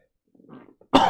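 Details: Adult man who says he is sick with a raspy voice: a faint, low throat sound, then a single sudden loud cough burst cut off at the end.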